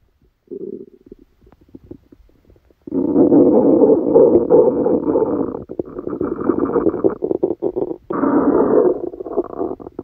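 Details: Loud active bowel sounds with long gurgling, bubbling rumbles and brief gaps, recorded while sleeping with a stomachache that began after Christmas dinner.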